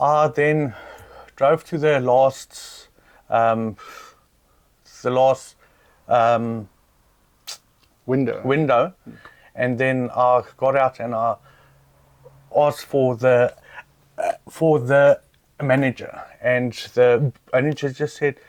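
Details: South African adult man with lifelong stuttering, reportedly worse since being laughed at in public; stuttering.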